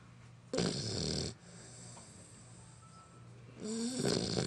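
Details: 11-week-old female Bullmastiff puppy napping: two loud, rattling snores with quiet breathing between them, the same sound heard at night; snoring.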